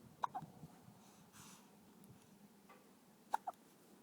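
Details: Hiccups while relaxing on an outdoor couch: two pairs of short, sharp, jerky catches about three seconds apart over quiet room noise; hiccups.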